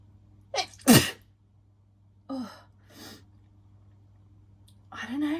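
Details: Woman sniffing a bubble bath: one sharp, explosive sneeze after a quick in-breath, then soft voiced sounds and breathing.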